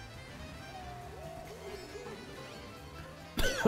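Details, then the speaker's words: Game music plays, then a single loud, abrupt cough from an adult streamer at the very end; cough. "désolé faut que je tousse mais je peux pas appuyer sur le bouton"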